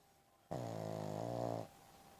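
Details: Sleeping pug-chihuahua mix (chug) snoring: a single buzzing, vibrating snore about a second long, steady in pitch, in a quiet room.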